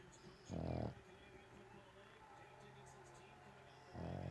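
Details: Two loud, low rumbling snores a few seconds apart over steady room hum, during sleep; loud snoring.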